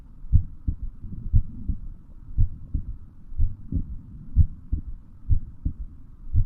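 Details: Steady, low lub-dub heartbeat at about 60 beats a minute, with paired thumps on each beat.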